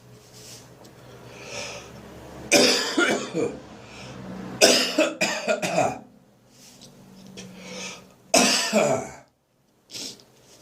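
Several bouts of harsh dry coughing with throat clearing and gagging between them; lingering cough after bronchitis.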